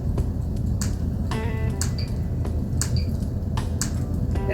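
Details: Transcranial magnetic stimulation over the motor cortex at about 20% intensity, used off-label for stroke recovery 22 years after the stroke in a wheelchair-using woman: sharp repeated pulse clicks over a low room rumble.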